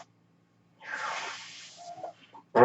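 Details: The speaker's own mechanical ventilator heard during speech, cycling through a delivered breath.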